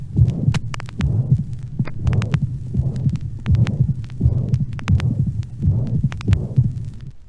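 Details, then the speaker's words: Heartbeat near 70 a minute with a hissing, steam-jet systolic murmur at the cardiac apex from mitral valve disease, characteristic of mitral regurgitation. Mitral regurgitation murmur. "voici une autre mitralite mais ici ce qui domine de loin c'est un souffle systolique apexien en jet de vapeur caractéristique d'une insuffisance mitrale"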